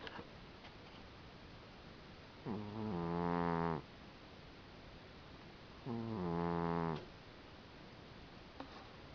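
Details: Cat snoring while asleep: buzzing snores on each breath, about 19 a minute, with quiet room noise between.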